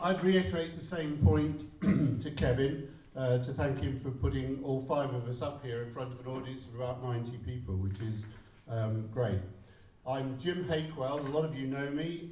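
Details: Adult man speaking; Normal fluent speech.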